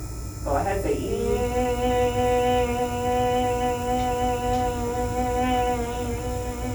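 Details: 47-year-old woman with bilateral vocal fold nodules, muscle tension dysphonia and increased vascularity, scoped during a voice therapy visit while sustaining "e", low then gliding low to high. Finding: sustained phonation with vocal fold nodules.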